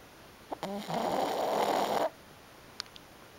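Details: Black pug snoring in sleep: one drawn-out, rattling snore, then quiet.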